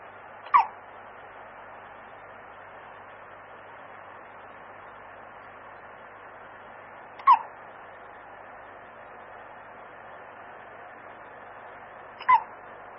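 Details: Newborn baby hiccuping while asleep: three brief, sharp catching sounds about five to six seconds apart over quiet room noise; hiccups.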